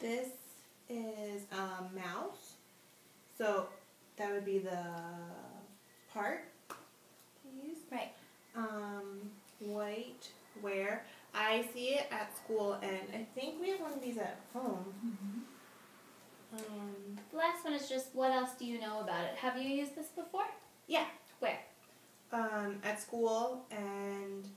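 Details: Anomic aphasia after stroke in a woman during a third Semantic Feature Analysis therapy session, describing an object she cannot name; word-retrieval failure.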